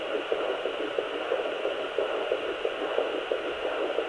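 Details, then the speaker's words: Home fetal Doppler at 8+ weeks in a third pregnancy, probe low on the abdomen angled toward the pubic bone, slightly right: faint, rapid, regular fetal heartbeat, roughly 170–180/min, faster than the mother's, under steady hiss. "it's very faint being so early but this is where I found baby down here"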